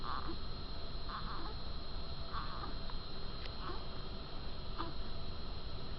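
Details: Child working hard to breathe, with shoulders rising and deep intercostal and substernal retractions; short, soft grunts recur with each breath over low background noise; expiratory grunting, a sign of respiratory distress.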